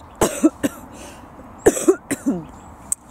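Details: Breast cancer patient seeking hospital assessment of cough and breathlessness: two bouts of three short, forceful coughs over steady background noise, a recurring cough.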